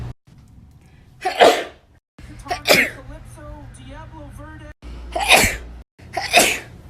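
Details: Four sharp, forceful sneezes in a row, with a faint hum of background music between them; repeated sneezing.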